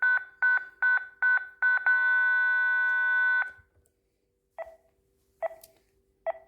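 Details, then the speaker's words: ZOLL M2 defibrillator in manual defib mode: rapid repeated beeps, then a steady held tone while charging, then separate beeps around a repeat shock at up to 200 joules biphasic; sinus rhythm then regained. "we can charge the shock again with the same joules or if the condition requests we can go back down 220 joules again and we can shock the patient again by pushing charge we stand clear"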